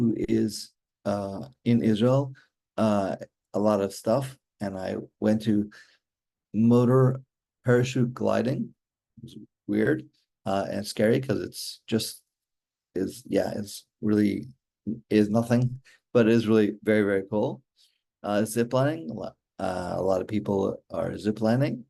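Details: Real adult male stroke survivor with aphasia since a stroke during mitral valve surgery in 2007, recorded in 2024; he still finds communicating hard and works on his speech every day; aphasia.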